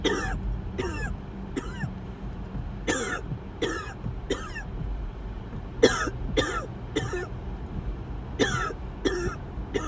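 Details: Person in a car on the way to the hospital ER having a series of coughing attacks: clusters of rapid, harsh coughs, about fourteen in ten seconds, over engine rumble; coughing fit.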